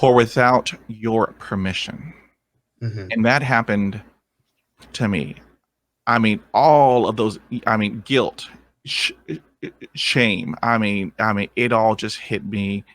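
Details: Adult man who stutters and still has blocks, coping by stopping and breathing; stuttering.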